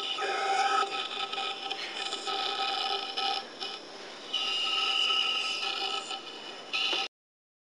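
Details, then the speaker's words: Small-volume nebulizer sputtering near the end of treatment: irregular hissing and crackling from intermittent nebulization and air aspiration, with tapping knocks that move medication droplets from the sidewall down to the capillary tube. "By tapping on the nebulizer unit, you can move some of the medication that is along the sidewall of the nebulizer down to the capillary tube so that it can be nebulized. What you're hearing is the sputtering."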